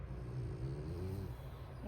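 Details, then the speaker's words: Dog sleeping right under the owner's feet gives a single low, rumbling snore rising and fading over about a second, with faint room noise behind it; snoring. "and for those of you who hear that noise that is my dog snoring. He's literally like right up under my feet snoring."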